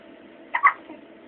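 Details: A baby chewing on her blanket gets a hiccup: one brief, abrupt double catch of breath in a quiet room.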